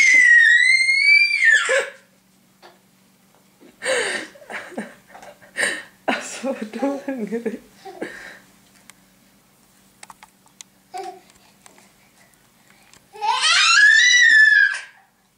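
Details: Chubby baby boy screaming for food: loud, high screaming cries at the start and end, with amused adults talking and laughing between; hunger cry.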